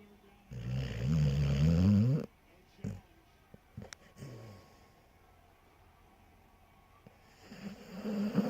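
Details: Short-haired pointer dog asleep: one loud rough rumbling snore, pause with small clicks and quieter breaths, then another snore starting; snoring.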